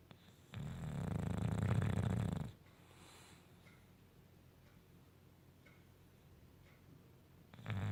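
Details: Male English Bulldog napping on a couch: a loud, low, rattling snore on one long breath, then quiet until the next breath, typical of a flat-faced dog.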